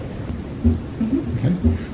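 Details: Normal heart sounds (S1 and S2), heard in a medical-education setting where a simulator (Harvey) is then used to demonstrate aortic stenosis.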